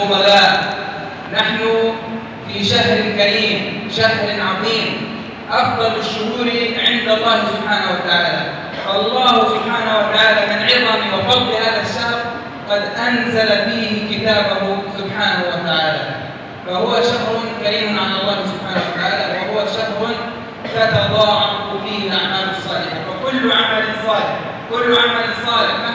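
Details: Adult man speaking; Normal speech.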